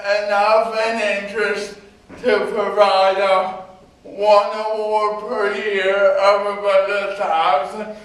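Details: Male university speaker with cerebral palsy who needs a scribe for coursework; dysarthric speech in cerebral palsy.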